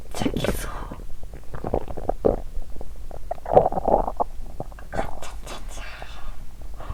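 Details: Abdominal sounds recorded by the person themself the day after finishing a first 7-day fast, with small but active gut movement: irregular gurgling, bubbling and squelching rumbles with some louder bursts and faint background hiss, bowel sounds (borborygmi).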